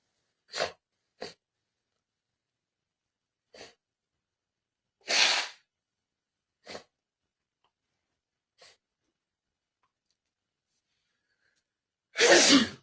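Several short sharp sniffs through the nose, a loud explosive sneeze in between, and a second forceful sneeze at the end.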